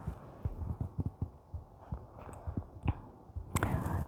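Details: ASMR recording of a woman's normal heartbeat under her soft reading of Beowulf, with whispering and faint tapping, scratching and paper sounds.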